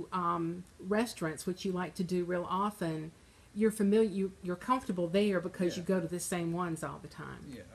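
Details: Adult woman; normal speech.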